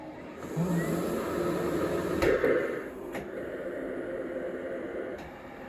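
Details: Steady motor hum that swells and fades, with sharp clicks as a Cough Assist E70 machine cycles air in and out: mechanical insufflation-exsufflation device operating.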